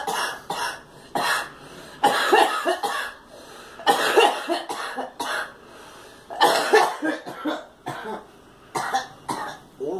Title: Girl coughing